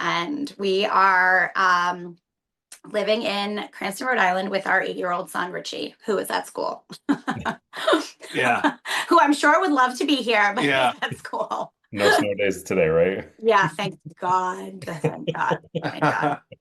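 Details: Adult woman speaking, with brief replies from other adults; Normal conversational speech.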